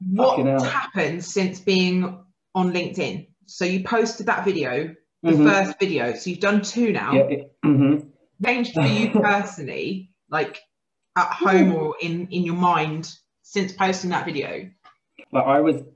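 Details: Adult woman speaking, conversational interview; typical speech.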